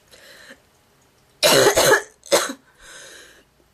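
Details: A girl's honking, goose-like cough: two loud, harsh coughs between quieter breaths.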